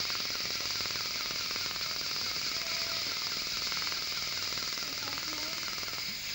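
Rapid steady crackling pulses, about four a second, with high hiss: an erbium dental laser working on tooth and old fillings.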